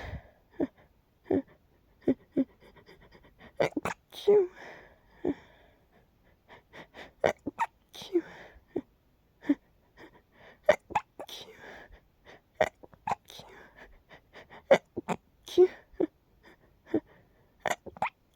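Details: Nighttime sneezing fit from an itchy tickle that got stuck: many short, sharp bursts in quick runs over about eighteen seconds in a quiet room; a bout of repeated sneezing.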